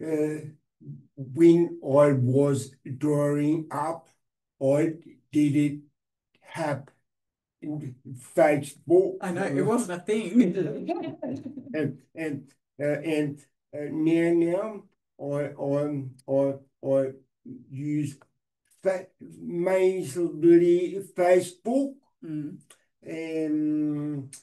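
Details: Man with aphasia following a stroke 6 years earlier, hospitalized for 6 months; reports difficulty speaking and has not read in six years; aphasia.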